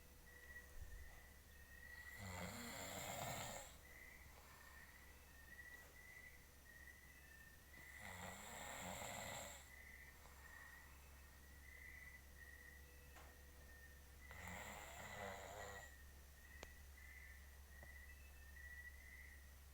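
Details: Adult man snoring while asleep: rough, rattling snores on each breath in, about 10 a minute, with a steady whistling tone and low hum in the background; ordinary snoring.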